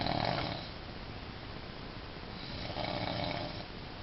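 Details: Loud, harsh, rumbling snore on inhalation with a quieter stretch between; heavy snoring.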